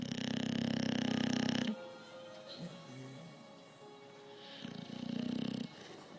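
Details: Adult snoring: two loud, buzzing, rattling snores with quiet breathing between them.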